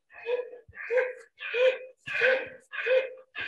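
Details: Dog with laryngeal paralysis: rapid, loud, harsh honking breaths at about 90/min, an inspiratory stridor.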